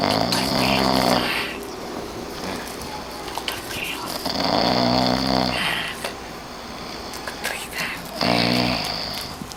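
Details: Person asleep and snoring: loud, regular rattling snores on each breath in, roughly every four seconds, with noisy airflow between them.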